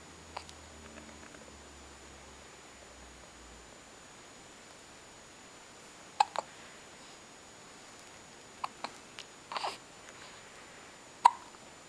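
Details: Infant with hiccups: brief, sharp hiccup sounds at irregular intervals in a quiet room; hiccups.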